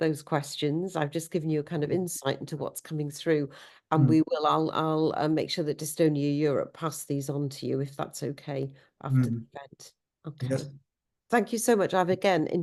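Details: Adult speaker; ordinary speech.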